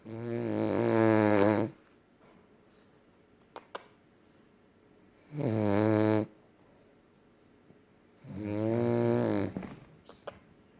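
Three long, loud, rattling snores, each about a second and a half, with quiet pauses between, at roughly 17 breaths a minute: dog snoring.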